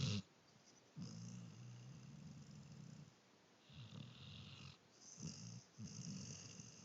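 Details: Low rattling snores, about four in seven seconds, with short quiet gaps between them; ordinary snoring in a sleeper who appears to smile.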